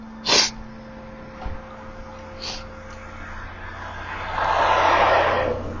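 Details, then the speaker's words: An adult's sneezing spell while driving to a hike: a single sharp, explosive sneeze near the start, then a fainter catch, over steady car engine hum and rising road or fan noise. "I'm on a bit of a sneezing spell this morning, this afternoon. So, please be warned. We are in a sneezing spell right"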